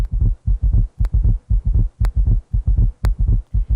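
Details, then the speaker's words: Rapid, low, dull heart thumps running together into a galloping rhythm: a summation gallop from merged S3 and S4 heart sounds, heard on cardiac auscultation. "in a patient with S3 and S4 heart sounds you'll hear a summation gallop"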